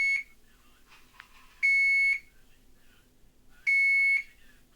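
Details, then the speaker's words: Two loud, steady, high-pitched electronic tones about two seconds apart in a quiet room: audio alarm test of an Alaris 8100 infusion pump module during preventive maintenance. "now we'll do the audio alarm"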